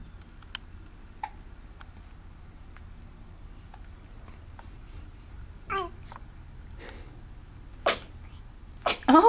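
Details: Infant hiccuping, cooing and sneezing: quiet room hum with small infant noises, then two brief sharp sneezes near the end; ordinary infant sneezing.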